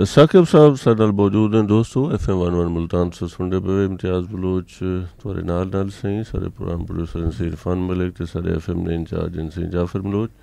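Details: Adult male radio presenter; Normal fluent speech.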